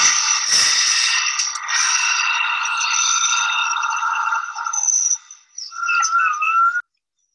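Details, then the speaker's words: Raw, non-denoised recording of a COPD patient's forced breath at a pulmonary function test, with constant machine hum, ending in a high whistling expiratory wheeze from airway obstruction; spectrogram lines near 1.5 and 3 kHz. "pay attention to the whistling noise at the end this is the spectrogram where the person had the wheezing"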